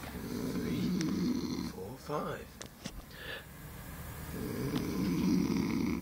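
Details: Sleeping boy snoring: a low, rattling snore on the in-breath, then a quieter pause and the start of another snore, with faint room sounds.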